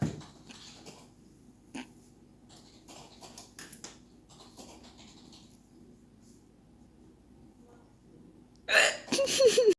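Quiet room with repeated short, abrupt catches of breath at irregular intervals, then a loud burst of voice and laughter at the end: hiccups.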